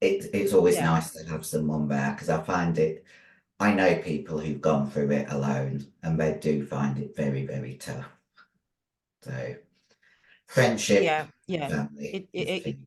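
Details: Female bodybuilder with androgen-induced voice deepening (virilization) after taking large doses of male steroids (performance-enhancing drugs). Her voice was formerly high-pitched and is now very deep, and she can no longer sing. She also has chronic kidney disease from drug use.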